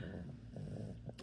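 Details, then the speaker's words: Old service dog asleep on the back of a couch: low, steady rumbling snoring with a brief soft burst at the end; recently had surgery for an abscessed tooth and emptied anal glands. "yes your brother is [Music] snoring he seems to be quite content on the back of the couch"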